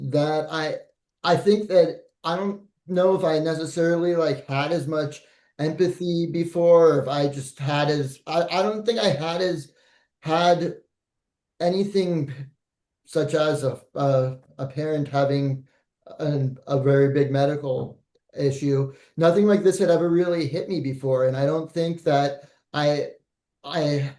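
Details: Adult male speaker; no disorder.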